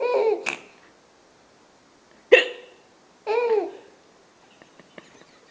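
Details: Mother hiccupping while a young child laughs: hiccups.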